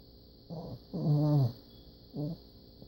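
Three low, rumbling, throaty breath sounds, the middle one longest and loudest, with a steady faint hiss in the background; a puppy snoring.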